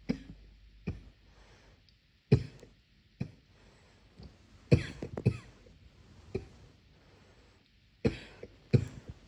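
Muffled, repeated coughs come in an irregular run of about ten, some in quick clusters, in a quiet room.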